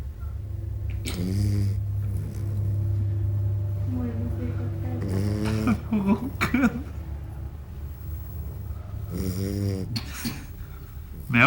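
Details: Low snoring rumble with some whiny vocal sounds from a sleeping dog, over steady hum and room noise; snoring.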